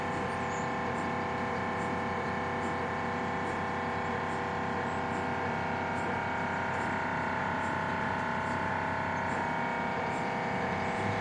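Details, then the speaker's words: MRI scan of an adult man checking a brainstem mass, in a mobile MRI trailer in a hospital parking lot, recorded from outside the trailer: steady droning hum with a rapid repeating knocking pulse; MRI scanner noise. "I'm outside the trailer you can imagine how loud an MRI is being inside the machine"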